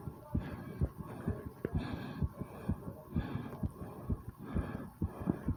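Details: Rapid, regular thumping heartbeat, about 128 a minute, with heavy breathing, from a woman recording her own heart right after doing 20 squats: fast heartbeat after exercise.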